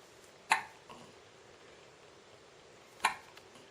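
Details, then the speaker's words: Baby with hiccups: two sharp, abrupt hic sounds about two and a half seconds apart against quiet room noise; hiccups. "Yeah. These hiccups are always surprising."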